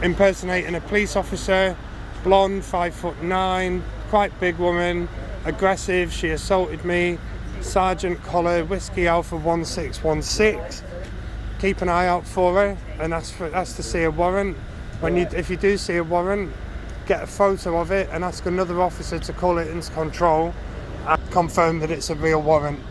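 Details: Adult male speaker outdoors; normal voice.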